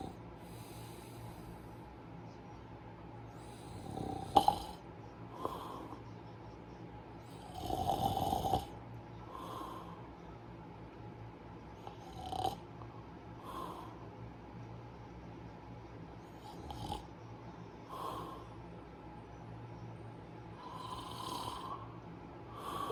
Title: Snoring beauty